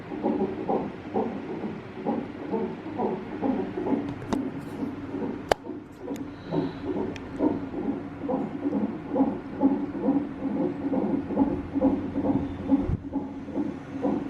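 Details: Fetal heartbeat on a monitor at 39 weeks of pregnancy, baby girl moving: rapid, regular whooshing pulses about 136 a minute with a few clicks and bumps, fetal heartbeat.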